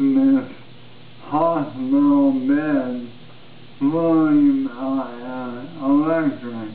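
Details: Adult man with ALS who says his voice has changed dramatically since his previous video and now sounds 'really really drunk'; dysarthria (ALS).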